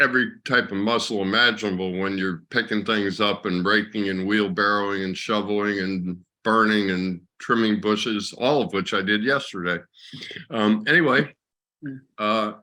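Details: Adult speaker; ordinary conversational speech.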